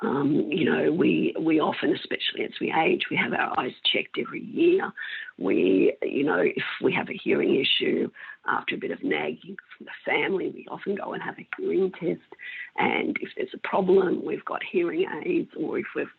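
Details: Woman with mixed adductor and abductor spasmodic dysphonia for 16 years, treated with Botox injections into the larynx that stop some spasms; spasmodic dysphonia (mixed adductor and abductor).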